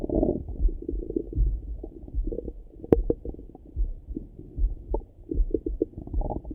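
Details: Irregular low gurgling and rumbling heard through a stethoscope on the abdomen in the morning; typical active bowel sounds (borborygmi).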